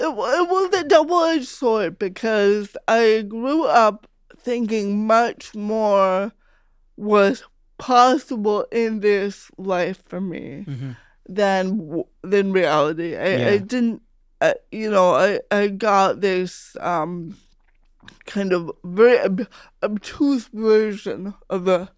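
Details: Real speech of an adult woman, a stand-up comedian who grew up with cerebral palsy; her speech was noticed as different by age five; dysarthria (cerebral palsy).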